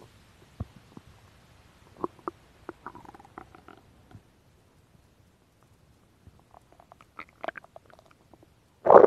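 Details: Woman's stomach sounds recorded for ASMR: soft, scattered gurgles and clicks in a quiet room, ending in a louder gurgle; ordinary stomach growling (borborygmi).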